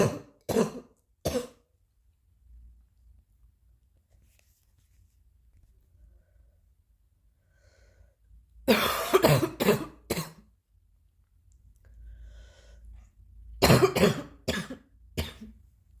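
Three bouts of dry, harsh coughing, about a dozen coughs in all, with quiet pauses between.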